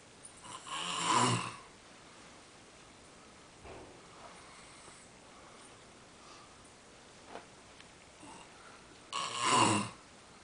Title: Mystery snore...